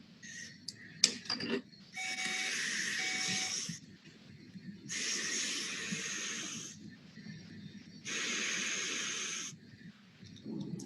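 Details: Loud hissing bursts of airflow lasting about two seconds with quieter pauses, from a SaberFlow CPAP flow generator through a mask, flow just over 50 L/min, O2 enrichment off (about 30–32% oxygen), tried on an adult during quiet breathing.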